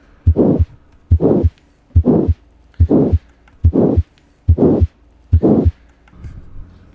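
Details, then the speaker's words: Aortic stenosis systolic murmur: regular heartbeat about 71/min with a harsh, diamond-shaped murmur filling each gap between first and second heart sounds. "y aquí un dato importante es que si escuchamos el soplo acompañado de un cuarto ruido cardíaco en pacientes menores de 40 años significa una estenosis aórtica grave y la gravedad aumenta cuando se presenta además un segundo ruido paradójico"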